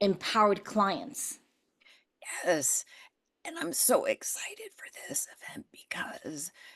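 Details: Adult woman with spasmodic dysphonia that developed after stress and illness while building her business, still audible in her voice; treating it naturally without Botox.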